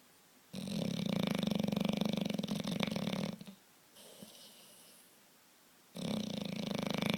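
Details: Big bulldog snoring: loud rough rattling snore on inhalation with quieter exhalation between bursts; heavy snoring.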